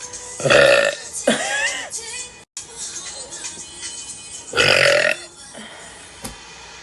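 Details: Girl burping on a live stream: three loud, drawn-out voiced belches with short pauses between, over faint background music and laughter.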